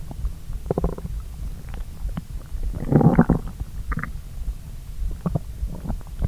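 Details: Low gurgling and bubbling stomach rumbles with scattered pops, loudest midway, from a person digesting a pasta brunch after a long morning on an empty stomach; normal bowel sounds (borborygmi).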